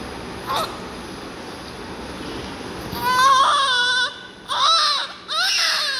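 Strong, clear, high-pitched newborn cry in repeated bursts over room hiss; a healthy newborn cry.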